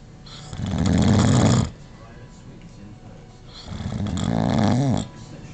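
Two loud, deep, fluttering snores on breathing in, with quiet gaps between; typical heavy snoring.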